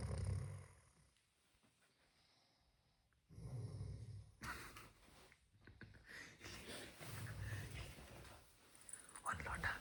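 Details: Father's loud night-time snoring that keeps the family from sleeping; snoring.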